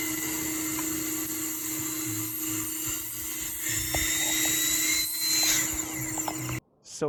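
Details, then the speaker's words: ADEC Century Plus dental delivery unit with air regulated to 80 psi: a high-pitched dental handpiece whine wavers and shifts in pitch as the air pressure drops, then cuts off abruptly. Pneumatic pressure-drop fault. "and my pressure drops right there hold it one of the key principles to this issue is a theory called pascal's law"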